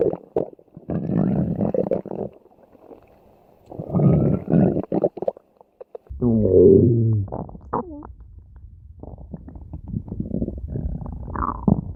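Long low gurgling rumbles and squeaky rising gurgles come in bursts: stomach growling, ordinary bowel sounds.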